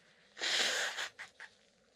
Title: couple of (f) sneezes and some nose blowing